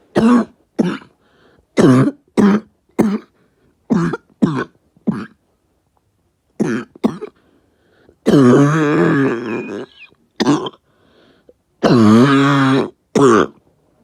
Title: Short cough